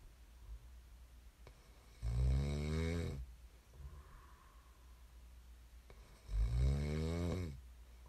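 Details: Loud, low rattling snores on each in-breath with quiet out-breaths between, about two breaths in eight seconds; ordinary snoring.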